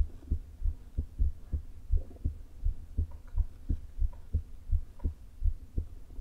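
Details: Woman's heart with atrial fibrillation and a leaking heart valve, days before open heart surgery, recorded through a low-placed stethoscope with many stomach rumbles; irregular heartbeat.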